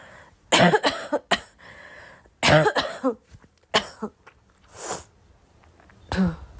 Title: Girl coughing 279